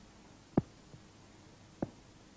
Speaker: в норме у основания сердца второй тон громче 1 2 диастолический тон возникает в результате захлопывания и колебаний полулунных клапанов аорты и легочной артерии